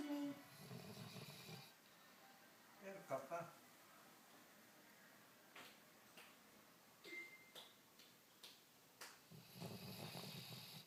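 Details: Snoring during sleep: two low, rough snoring breaths at the start and end, with scattered quiet clicks and small room noises between.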